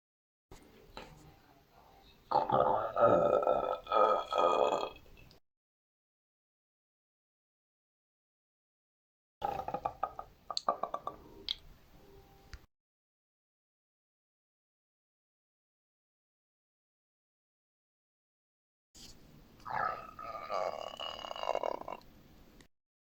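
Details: A 30-year-old man who cannot burp (retrograde cricopharyngeus dysfunction) makes three bursts of wet, croaky throat gurgling from trapped air: esophageal gurgling.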